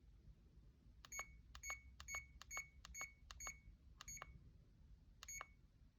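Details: CADD infusion pump in PCA mode for a morphine or midazolam cassette, home hospitalisation, after tubing purge while reviewing parameters and starting the pump: nine short, high electronic keypad beeps at irregular intervals.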